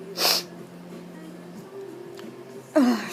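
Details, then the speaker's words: Person sneezing repeatedly after going outside, suspecting allergies to something outdoors: two sharp explosive sneezes, one near the start and one at the end, with a steady background tone. "Sorry I have to I didn't really Start until I went outside so I'm guessing there's just something something out there that I'm allergic To"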